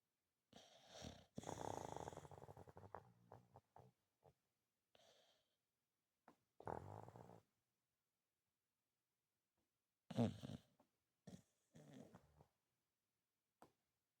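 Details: Snoring in a napping dog: irregular rough, rattling breathing noises separated by quiet pauses.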